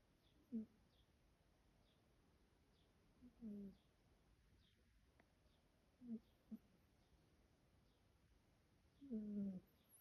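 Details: Adopted female shelter cat snoring while asleep.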